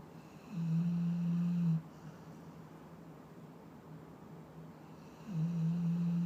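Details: A dog snores: two long, low, steady buzzing rumbles about five seconds apart, with quiet breathing between, in a small quiet room.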